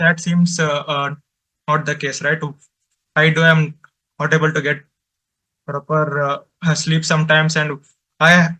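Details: Adult male presenter from an Indian stammering association who stutters and reports difficulty speaking with different people; stuttering.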